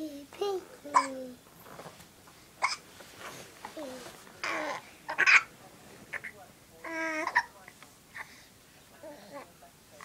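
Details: Child with hiccups who then pulls another child's hair: repeated short, sudden voiced catches mixed with child babbling and light laughter.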